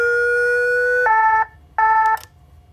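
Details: Nurse testing a defibrillator: a long steady electronic tone followed by two shorter higher beeps during the machine's self-test.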